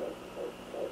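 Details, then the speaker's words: Rapid, rhythmic whooshing fetal heartbeat at 174 beats per minute, found with a home Doppler and gel on the belly at 11 weeks 4 days of pregnancy. "there it is 174 we found it so update"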